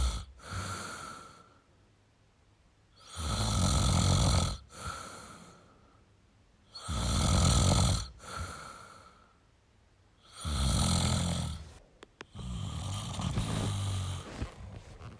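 Loud rattling snores on each breath in, about 16 to 18 breaths a minute, with quiet pauses between; typical snoring.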